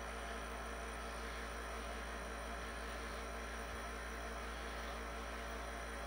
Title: Nebulizer sound asmr